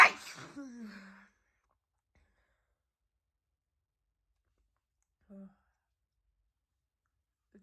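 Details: A single forceful, wet-sounding sneeze at night from a young woman with a very itchy nose, just out of the shower, with a voiced trailing sigh, then quiet room: sneeze.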